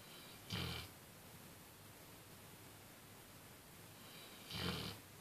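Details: Loud snoring during sleep: two loud rattling snores about four seconds apart over steady room hiss; ordinary snoring.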